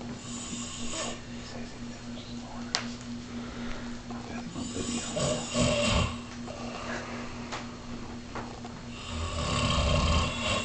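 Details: Low fluttering snores with snorting breaths over a steady hum, likened to a bear fighting a broken chainsaw; ordinary snoring.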